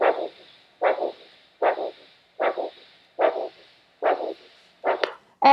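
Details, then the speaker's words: Handheld Doppler over the tibial artery at a podiatry assessment: a steady whooshing pulse at about 74 a minute, regular with no missed beats, each beat in three parts; a normal triphasic signal indicating flexible arteries. "the triple sound. So, when we hear that we're very encouraged because we know people have got really good, flexible arteries, which is what we're after."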